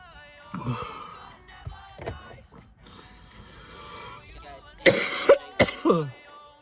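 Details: Man coughing after smoking a plug-and-play vape: several short coughs and throat clearing, some harsh, with faint music in the background; cough.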